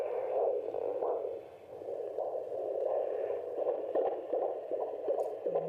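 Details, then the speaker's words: Fetal heartbeat heard on handheld Doppler very early in pregnancy, found by a student midwife; rapid whooshing pulses about 160 a minute, called a very clear heartbeat: normal fetal heartbeat. "even for experienced knitwise it's not always possible to find the baby's heartbeat at such an early stage of pregnancy"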